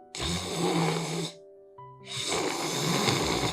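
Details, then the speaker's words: Sleep specialist imitating palatal snoring type, from soft palate and uvula sagging: two rattling snores with low, fluttering rumble of soft palate and uvula vibration; simulated. "소리는 연국의 목젖이 좀 느려진 경우."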